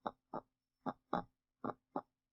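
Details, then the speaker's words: Normal heart sounds from a teaching recording: three paired lub-dub beats at about 75 a minute. S1 (lub) is AV valve closure and S2 (dub) is aortic and pulmonary valve closure. "When a healthy heart beats, it makes a lub-dub sound."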